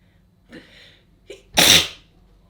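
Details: Short clip of a sneeze: two short preparatory breaths, then one sharp, explosive sneeze.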